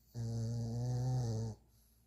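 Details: Sleeping pug snoring: a single long, low, rumbling snore on the in-breath, about a second and a half long.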